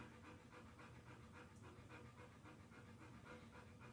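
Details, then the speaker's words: Large dog panting during a physical exam, from mild anxiety that is normal for her. "and i can tell by her panting it is normal for her to pant during physical exams because she does get a little anxious"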